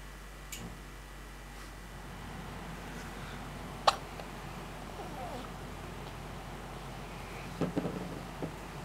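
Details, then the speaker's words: Baby girl with hiccups: a few soft, abrupt catches of breath spaced seconds apart in a quiet room; hiccups. "she have the hiccups."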